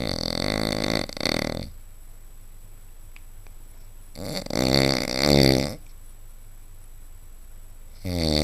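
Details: Adult man sleeping: loud, coarse, fluttering snores on breathing in, with quiet gaps between, about every 3.5 to 4 seconds; snoring.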